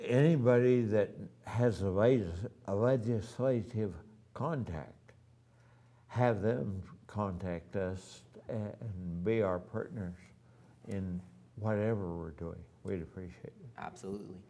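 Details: Adult man with ataxia, voice somewhat affected since the previous year, has had voice therapy, now wheelchair-bound with neuropathy in his hands; ataxic dysarthria.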